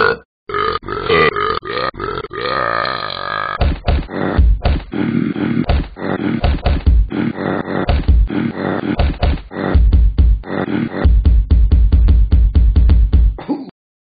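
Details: Burping by Talking Ben the Dog, an iPhone/iPad app character: a long run of loud, deep, croaking burps in quick succession, one drawn out, with faint music.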